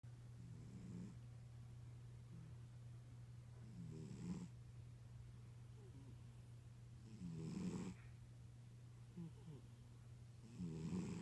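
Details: Tuxedo cat snoring in deep sleep: soft, low rattling snores with each breath, roughly every three seconds, over a steady low background hum; likened to an old man's snoring.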